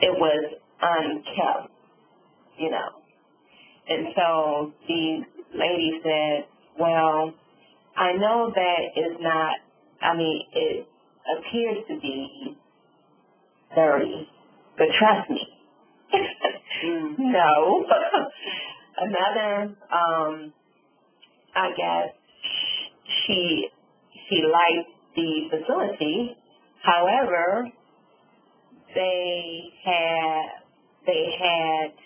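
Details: Adult female stroke survivor with aphasia with apraxia of speech following a subarachnoid hemorrhage and stroke; she reports sometimes being unable to think of the word.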